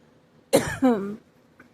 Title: the pollen count is high today. ugh it makes me cough a lot same with sneezing too .